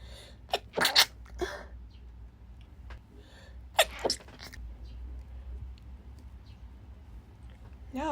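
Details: Female, sneezing repeatedly in a sudden fit she says came out of nowhere, as she normally never sneezes: two sharp, explosive sneezes in quick succession, with quieter breathy sounds and room noise between them.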